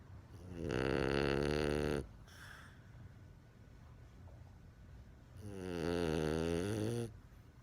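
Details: A French Bulldog puppy asleep, snoring loudly within seconds of lying down: two long, loud buzzing snores on breathing in, separated by a quiet pause. He sometimes wakes himself up or snores with his eyes open. Snoring.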